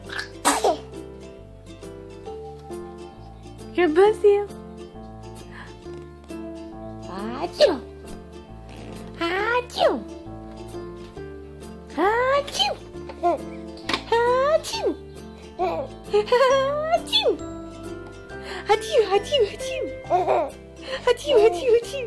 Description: Cute son thinks its funny to sneeze